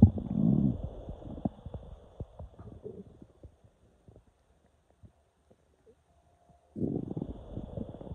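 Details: Low gurgling rumbles and irregular pops, quiet in the middle, then a louder rumbling burst; active bowel sounds (borborygmi) as air moves through the intestines of a person who woke with intestinal cramps.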